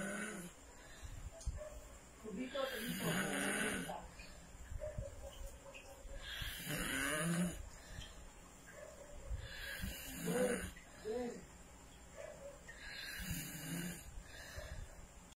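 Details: A man who had been drinking snores with his mouth open through the night: rattling, fluttering snores with each breath, about four in fifteen seconds.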